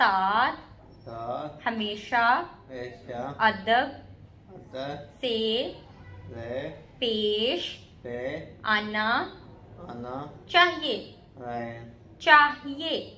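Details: Adult woman speaking Hindi; plain speech.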